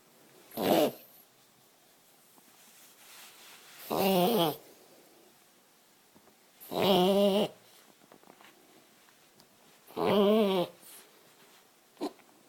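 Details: Reverse sneezing in a dog: repeated loud, honking snorts drawn inward, typical of a reverse sneezing episode that is easy to stop.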